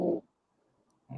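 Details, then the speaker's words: Snoring from a sleeping pet cat: a low, rough rumbling burst, a silent pause, then another begins; a normal sleep sound. "Oh, can you hear him snoring now? Yeah. Didn't know Oh, what that was."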